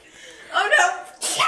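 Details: Sneeze attack: a quick breathy build-up followed by a sharp sneeze burst.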